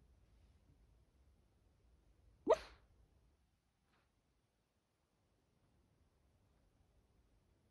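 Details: 13-year-old senior dog with a heart murmur, sleep talking: a single brief, sharp huff or yip while asleep amid near silence; sleep vocalization.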